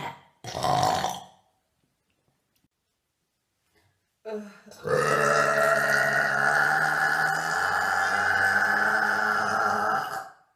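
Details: Burping: a short burp, a pause, then a long, loud, drawn-out burp lasting several seconds.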